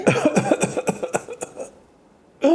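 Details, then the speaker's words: Whooping cough (pertussis) paroxysm in a child: a rapid run of at least five short coughs on a single breath, followed by an inhalation. "nefes aldı işte bu çok tipik bir öksürük boğmaca öksürüğü"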